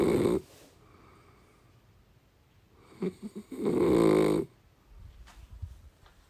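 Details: Deep-sleep snoring: two loud, rough, rattling snores separated by a quiet pause, with faint sniffing sounds between them; typical snoring.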